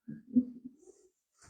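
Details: Single low, rumbling snore from a sleeping dog, heard in the background at the end of a live stream; ordinary snoring.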